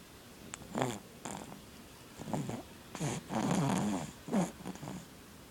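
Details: Infant giving several soft, rough, snorting breath noises, irregular in length; light baby snoring.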